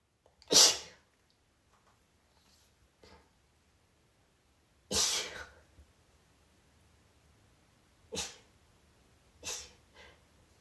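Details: Four soft, hissy, quiet rapid sneezes a few seconds apart with little voice, in a quiet room, from a female; sneezing.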